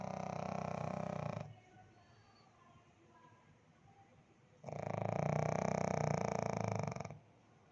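Two loud, long rattling snores about three seconds apart, with quiet between them: snoring.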